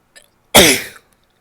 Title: messy sneezes, a stifle or two, nose blowing and some coughing at the end